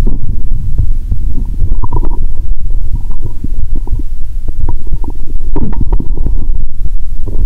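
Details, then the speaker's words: Bowel sounds (borborygmi) heard by stethoscope after drinking cola with Mentos: loud low watery gurgles and rumbles from the belly. "Tôi nghe thấy tiếng nước 💧 ♪."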